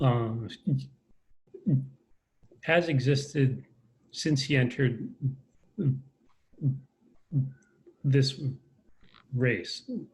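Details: Adult man with a self-described lifelong stutter, speaking in a conversation; stuttering.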